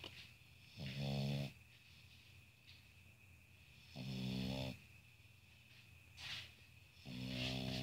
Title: Cute snoring pug